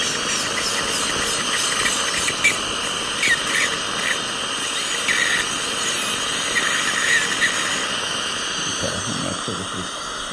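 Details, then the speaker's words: Steady high hiss of suction with intermittent high-pitched drill bursts: a dental high-speed handpiece sectioning a two-rooted lower molar (tooth number 30) into two pieces during extraction, patient awake and reporting no pain. "I'm going to go ahead and turn the suction on right now so you're not really going to be able to hear as much what I'm saying"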